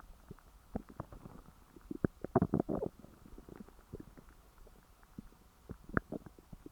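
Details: Stomach growling after overeating, irregular gurgles, bubbling and low rumbles from the belly; bowel sounds.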